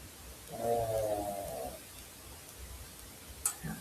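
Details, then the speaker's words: Dog snoring while asleep on a couch across the room, a faraway sound picked up by the microphone. "And what cued it for me was the fact that you can probably hear my dog snoring across the room on the couch over there."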